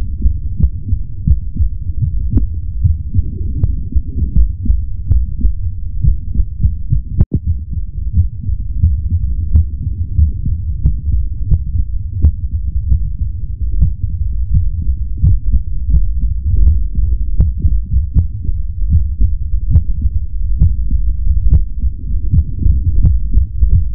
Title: Heartbeat ASMR 2 (black screen)